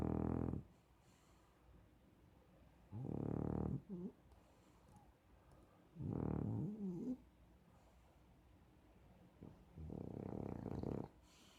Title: I DON'T SNORE